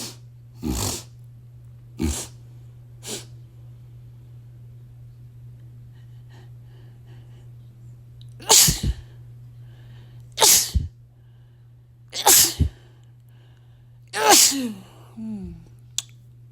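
About seven sneezes in close succession, some preceded by quick in-breaths, over a steady low hum; repeated sneezing, here from dust.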